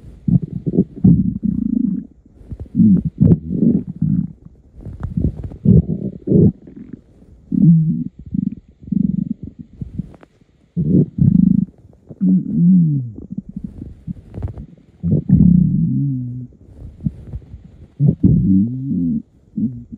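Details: Man's morning hunger stomach rumbling before eating: low gurgling, rumbling bursts with squeaky gliding tones; normal borborygmi.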